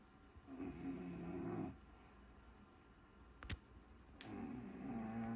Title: The sounds of Snoring Bulldog